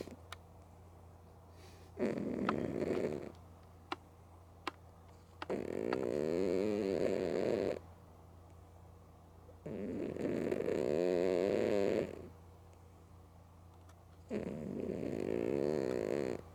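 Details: Four long fluttering snores, about two seconds each, with quiet pauses and faint clicks, from a female cat sleeping with both eyes open; loud sleep snoring.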